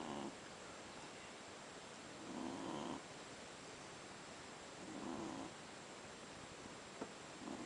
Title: SHIH TZU puppy sleeping and snoring